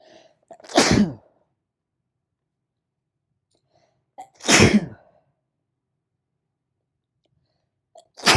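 Three loud, sharp sneezes, each with a brief indrawn breath before it, spaced about four seconds apart. The person has a cold.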